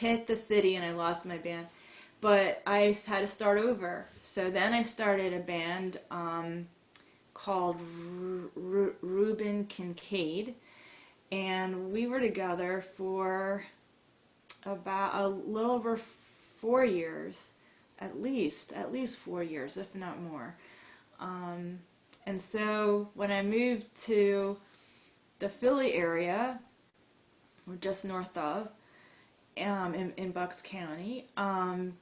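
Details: Adult woman with mild to moderate stuttering, long hidden (covert stuttering) with silent blocks; stuttering.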